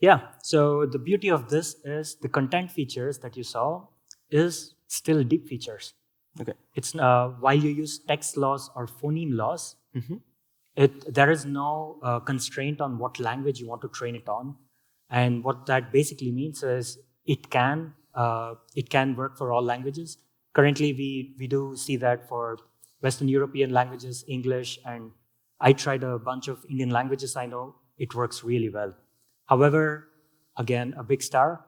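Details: Adult male speaker; healthy speech.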